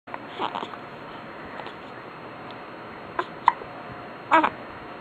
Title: Hiccups, a yawn, and a cry lol